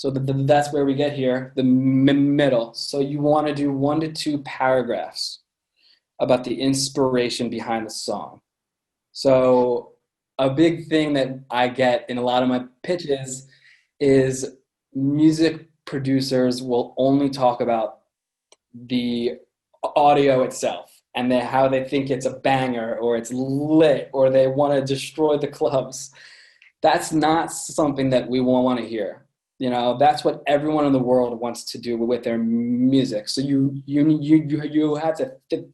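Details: Adult man with a lifelong stutter present since birth, with repetitions in this stretch; stuttering.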